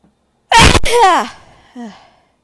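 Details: Female, one loud, forceful sneeze with a voiced trailing cry, then a brief vocal sound; one of a series of big, powerful sneezes.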